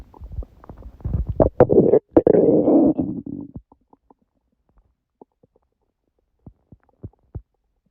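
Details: Adult's stomach growling at 1:30 a.m. after overeating udon at 19:30, the first gluten in a while. A loud gurgling, rumbling run of bowel sounds, then scattered soft pops and clicks; ordinary borborygmi.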